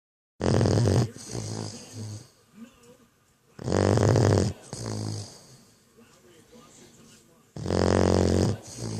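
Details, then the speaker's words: 12-week-old puppy snoring loudly. "That's the snore of a 12-week-old puppy."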